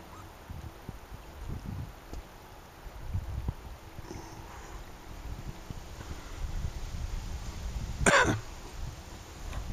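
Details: Adult smoking a joint by a river gives a single short, harsh throat-clearing cough over steady outdoor rumble from wind and flowing water.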